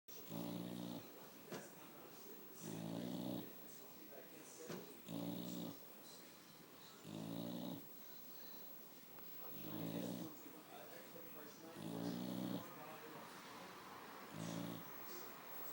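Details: Pregnant boxer dog, halfway through pregnancy, sleeping and snoring on a hot summer day: repeated low, rumbling snores about every two seconds, roughly 28 a minute, faint room noise between.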